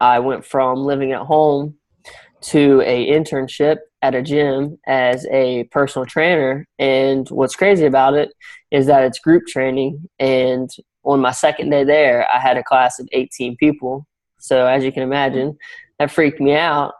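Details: Young adult male college graduate with a stammer, now improved through speech coaching using techniques such as extending words and daily audio practice; stuttering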